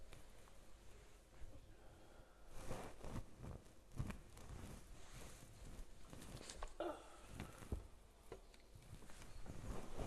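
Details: Real digestive noise: low, irregular gurgles and rumbles from the belly, ordinary bowel sounds (borborygmi).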